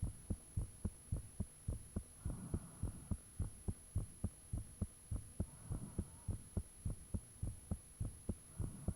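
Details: Own heartbeat recorded with the fan off, shortly after the heart began feeling really thumpy: strong paired beats about 105/min with soft whooshing between some beats, said to be blood rushing, under a constant high hum; heart sounds.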